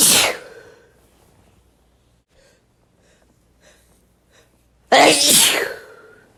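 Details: Wet male sneezes: two loud, wet, explosive sneezes separated by a few seconds of near silence.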